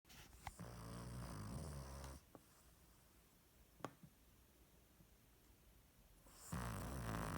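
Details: Cavalier King Charles Spaniel, a tiny dog, snoring loudly: low rumbling snore with a couple of sharp snorts and quiet gaps between breaths.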